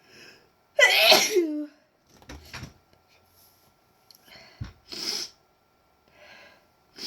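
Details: Deliberately induced sneezes: one loud, forceful sneeze preceded by a sharp inward breath, followed by quieter sniffs and breaths.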